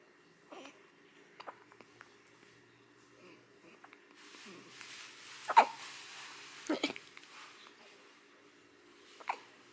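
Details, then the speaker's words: Newborn baby only a few days old hiccuping often in a quiet room: soft, abrupt hiccup sounds a few seconds apart with faint background noise; infant hiccups. "Hiccups. Aw. You sure to get hiccups a lot, buddy."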